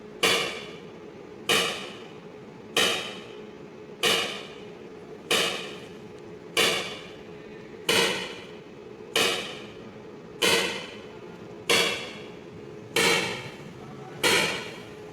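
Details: ESWL lithotripsy of a patient's left kidney stone, focused under C-arm, water-filled membrane coupling: sharp, regular knocking clicks about 47 a minute; shock waves breaking up the stone.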